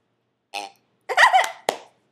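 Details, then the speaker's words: A 2-year-old girl making herself burp voluntarily: three short throaty burps in a quiet room, one longer and voiced. "this is the amazing burping and go burp"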